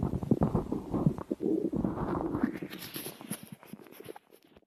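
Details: Long low gurgling and bubbling rumble, fading out near the end: ordinary stomach growling.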